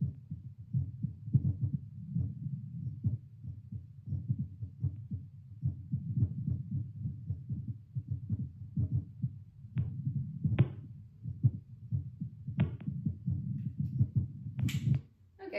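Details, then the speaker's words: Adult's seated baseline heartbeat through a Littmann CORE stethoscope played to a speaker, pulse oximeter about 78 bpm; steady low regular thumping with slight rate variation, normal resting heart sounds. "so I'm hanging around 78. Fluctuates a little bit, but you know, as you do, hanging around 78."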